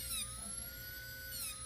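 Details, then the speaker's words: Dental handpiece lightly polishing the gray surface layer off lower teeth, not removing enamel, before bonding a lower permanent retainer: high steady whine. "and I'm really not taking any enamel walk I'm just taking that little [Music] gray surface of the tooth off"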